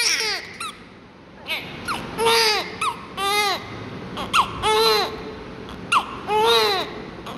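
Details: Newborn during airway suctioning and oxygen care in hospital: short, high-pitched cries and squeals in quick bursts with breaths between; a strong normal newborn cry.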